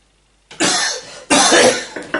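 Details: Two loud, harsh cough bursts from an adult, the second longer, in an acted comedic COVID-19 sketch; a deliberate, performed cough.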